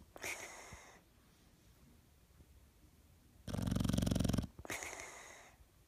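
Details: Sleeping dog recorded October 2016: slow breathing with a coarse, fluttering snore on one in-breath and soft wheezy out-breaths; ordinary snoring.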